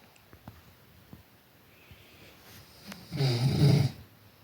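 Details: Sleeping white German Shepherd dog: faint breathing and soft clicks, then one loud, low, rattling snore on a single breath.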